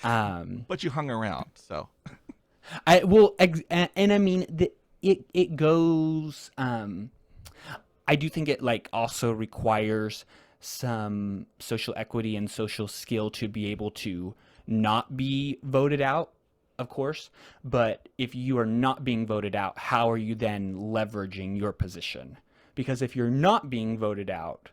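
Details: Real conversational speech from a man who stutters, a returning podcast guest describing a social strategy game; repetitions are audible; stuttering.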